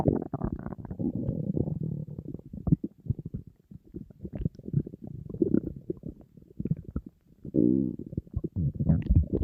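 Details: Long gurgling, rumbling and squeaking runs with short pauses from an empty stomach of a hungry person on a diet: hunger-related stomach growling (borborygmi), a normal bowel sound.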